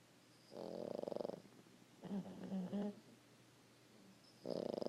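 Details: Pug dog asleep, snoring: loud rattling, fluttering snores on each breath with softer snorting sounds between, typical of this small flat-faced breed.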